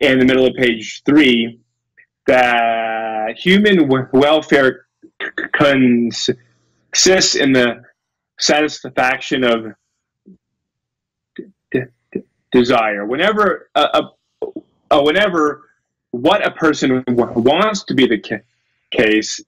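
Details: Real adult male lecturer who says he has a speech impediment, stutters and gets stuck on his words, giving a talk; stuttering.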